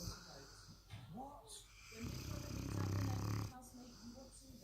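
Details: Presa Canario puppy asleep, loud rattling low snores with each breath, longest about 1.5 seconds, softer snuffling between; very loud snoring.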